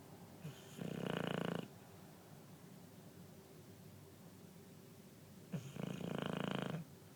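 Two loud, low, rattling breaths in about 5 seconds, roughly 12 a minute, with quiet pauses between: snoring.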